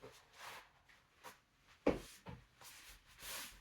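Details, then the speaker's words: Knee clicking (joint crepitus) heard during a Pilates session, just after lying prone for a swan dive; the instructor asks whether anyone heard her knee click. "was my knee clicking, did anyone hear that?"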